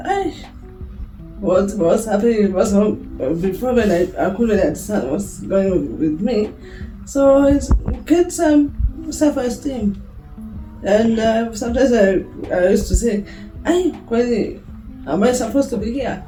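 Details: Woman with a speech difficulty present since birth, who began talking only around age 9-10, whose speech others found hard to understand, and who also drooled; developmental speech impairment.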